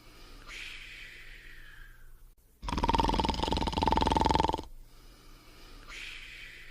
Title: Fafa's Bedtime Routine (1994): Sleeping and Snoring in 43 seconds